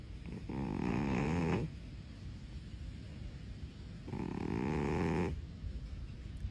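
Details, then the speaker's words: Sleeping cat snoring: two long, rattling snores, each with a quiet breath out between them; snoring. "you know that snoring in cats is often caused by the same factors as for us humans like obesity sleep position and allergies"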